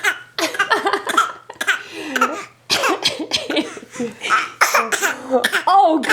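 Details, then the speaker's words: Run of short, light, deliberate coughs from a 5-month-old infant girl who is not sick, started today, parents suspect fake coughing for attention; voluntary (fake) cough. "see I can't tell if that's real part of that one looks real yeah [Laughter] that's so fake"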